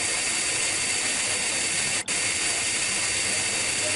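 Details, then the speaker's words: High-speed dental handpiece with round bur, steady high-pitched hiss and whine with a brief pause, cutting depth holes 1.5–2 mm at the mesial and distal fossae of a lower first molar for Class I amalgam cavity preparation. "we should see that the bar sinks into the cavity we could also place other holes at the medial and distal Fossey"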